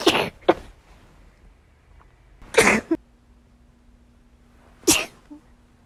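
Three sharp sneeze bursts in a short run, the first followed by a quick second snort, in a quiet room; a sneezing fit.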